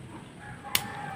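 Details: A single sharp spring-loaded click as a lancing device, set to depth three, fires to prick an alcohol-cleaned finger for a non-fasting blood glucose meter test.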